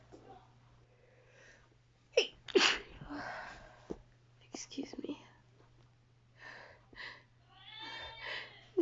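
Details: An adult woman who reports feeling dizzy sneezes about three times, some stifled or held back, then quietly says excuse me.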